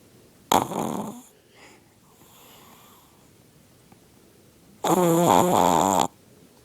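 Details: Chihuahua snoring really loud, sometimes with eyes open: two loud, rattling snores with a quiet breath between them during sleep.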